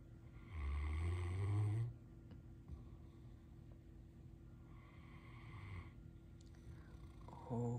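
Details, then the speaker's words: Great Dane dog napping and dreaming on a sofa gives two long, low, rumbling snores on the in-breath, with a quiet pause between them. "Is that a nice snore? It's a very pretty snore. This is the snore cam."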